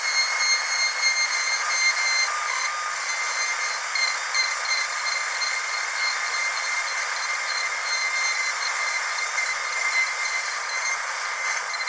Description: Then don't listen to this terrible sound of a dentist's drill, it is extremely painful in the ears.